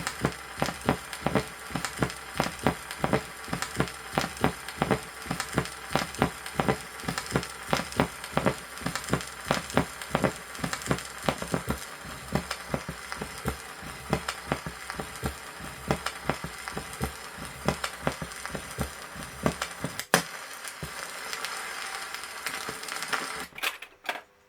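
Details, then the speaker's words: Accentuated second heart sound over the aorta in hypertensive disease, from a 1963 Soviet auscultation teaching record: regular paired heart sounds with a loud, sharp second sound. "усиление или акцент второго тона над аортой наблюдается при гипертонической болезни"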